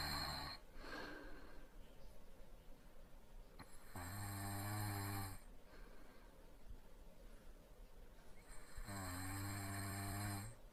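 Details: Light snoring in a sleeping adult man: two drawn-out, buzzing inspiratory snores about five seconds apart, with quiet room noise between them; snoring.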